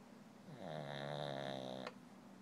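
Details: Female sleeping and snoring without waking herself: a single soft, buzzing, slightly tonal snore lasting just over a second, ending in a faint click.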